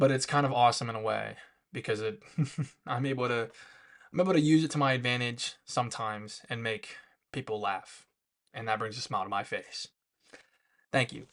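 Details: Woman who says she has a lisp and stutters and finds speaking really hard, recorded unedited; stuttering with lisp.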